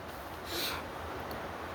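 An adult imitates one brief, rough snore-like snort through the nose and throat over faint room noise.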